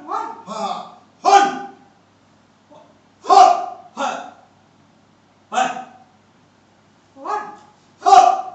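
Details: Male puberphonia patient, the 377th case treated at an ENT hospital, counting one to ten just after a puberphonia procedure; the doctor says the voice is now normal; finding: normal male voice after puberphonia treatment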